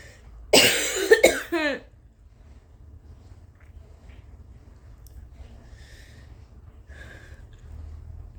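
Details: Deliberately uncovered coughs from a tired sick adult with a suspected 24-hour stomach bug or flu, vomiting and a felt high fever around 101: a few harsh coughs in a quick burst, then quiet breathing.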